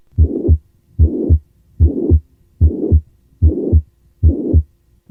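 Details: Regular heartbeat near 74 a minute with a loud, harsh, high-pitched murmur filling all of systole, best heard at the 3rd–4th left intercostal space: pansystolic murmur of ventricular septal defect.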